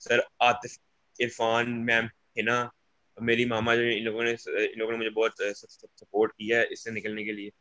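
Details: Young man who stammers, speaking on a stammering awareness panel, with repeated words; stuttering.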